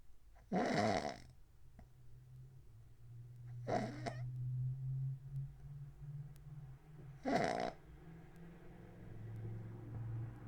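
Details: Adult's extreme loud snoring recorded overnight from 11:09 p.m. to 6:20 a.m., attributed to sleep apnea: three loud, rough snores about every three and a half seconds, roughly 17 a minute, with a low rumble between.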